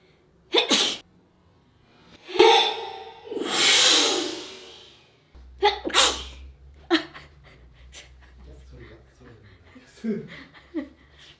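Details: Adult sneezes: a sharp burst, then a drawn-in breath and a long loud sneeze, followed by quieter sniffs: sneeze.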